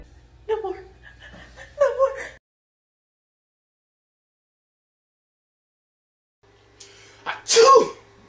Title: The sneezes